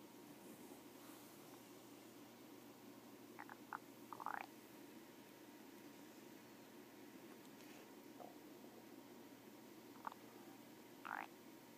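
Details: Adult woman's stomach noises likened to a frog: faint, brief gurgles and squeaky, croaking rumbles over a steady room hum; normal stomach and bowel sounds.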